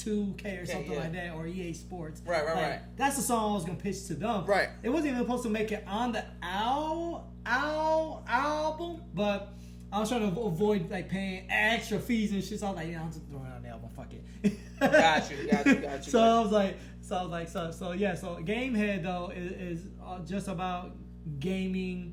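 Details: Man with a stutter since growing up, much worsened after a blast-wave brain injury during military deployment; he stutters in conversation but not when rapping; finding: stuttering.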